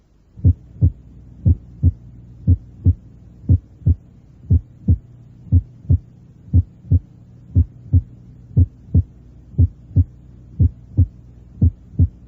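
Regular heartbeat near 59 a minute, each cycle a clear lub-dub with a single first sound; normal first heart sound at the apex.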